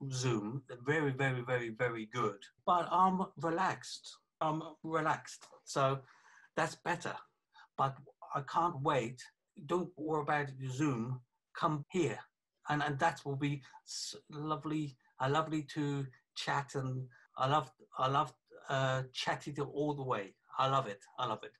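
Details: 48-year-old man with aphasia affecting communication after a stroke about three years earlier (January 2017), with right-sided weakness of hand and leg; non-fluent aphasia.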